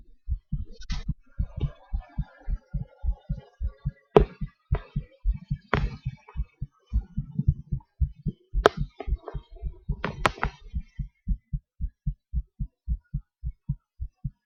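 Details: Own heartbeat at about 100–110 per minute during breath-holds and panting (hyperventilation), with breathing noise and slight rate shifts; normal heart sounds with rate changes.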